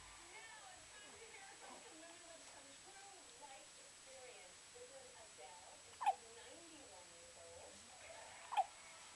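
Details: A baby gives two short, sharp hiccups about two and a half seconds apart, with soft babbling and quiet room noise; infant hiccups.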